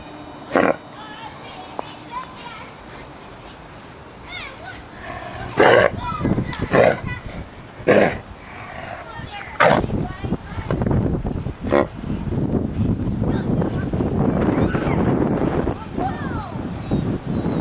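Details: Dog suddenly coughing at home, owner unsure whether it is concerning: repeated harsh, honking coughs and hacking bursts at irregular intervals; dog coughing.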